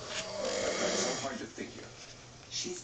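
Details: Snoring during sleep: a rough, rattling breath in, followed by softer snorting sounds.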